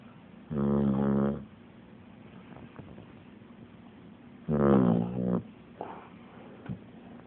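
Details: Pet dog sleeping and snoring.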